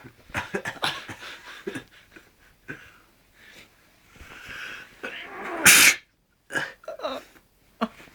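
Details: Sneeze deliberately induced by rolled-up toilet paper put up the nose: sniffs and a rising in-breath build to one loud, explosive sneeze, followed by short breathy noises.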